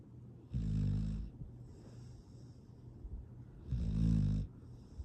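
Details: A foster rescue dog, sleeping, gives two loud, rattling inward snores separated by quieter, whistly breathing out. This is ordinary, contented sleep snoring.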